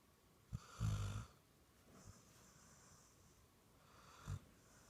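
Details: Dog out cold and sleeping really hard, snoring like a person: soft low fluttering snores with quiet breathing between them.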